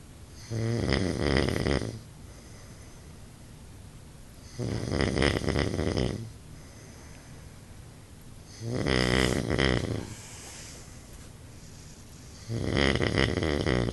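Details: Adult husband snoring during sleep: four loud, rattling snores roughly every four seconds, about 15 breaths a minute, with quiet exhalations between.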